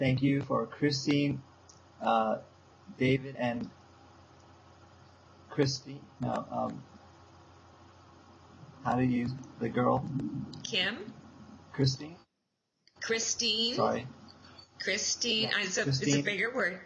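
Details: Young man with aphasia since a stroke seven years earlier, still in speech therapy, struggling to retrieve a name, repeating words and self-correcting; aphasia (word-finding difficulty).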